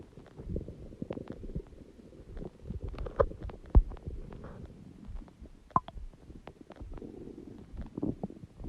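Loud, irregular low gurgling and rumbling with scattered pops and squeaks: active stomach growling.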